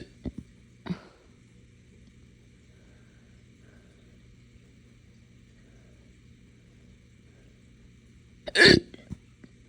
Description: Haven’t had them this bad in a while. Short case from drinking morning coffee too fast on an empty stomach